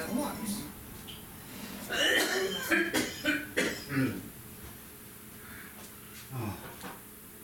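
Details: Miscellaneous recording of a person coughing.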